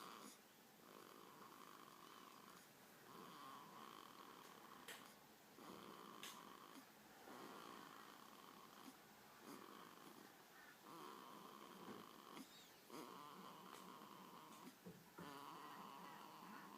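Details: One-week-old baby girl asleep: soft, rhythmic, squeaky noises with each breath, getting louder towards the end. It resembles light snoring, though the parent says it's not snoring. Noisy infant breathing.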